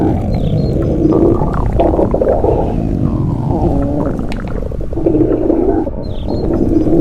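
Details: Continuous low, gurgling, rumbling sounds with shifting pitch and brief squeaky tones: stomach growling (borborygmi).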